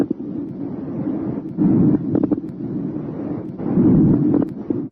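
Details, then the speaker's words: Coarse crackles on auscultation during a chest and lung exam: noisy breath sounds with loud, low-pitched bubbling pops heard during inspiration, from secretions in the larger airways. "these discontinuous sounds may be high-pitched fine crackles or they may be loud bubbly coarse crackles"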